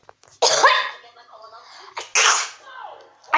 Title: I sneeze 120000,000 times a day